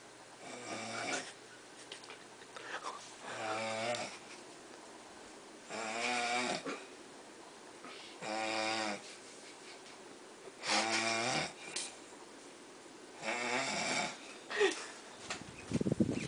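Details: Rough, buzzing snores at regular intervals, about 22 breaths a minute, with quiet gaps between them: a person snoring.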